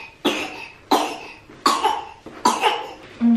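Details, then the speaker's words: An infant with fever, ill for three days and taken to a children's hospital, gives four short, tight-sounding coughs followed by a brief whimper, as if the cough hurts. "Och när han hostar så låter han liksom så här efteråt, som att det gör ont."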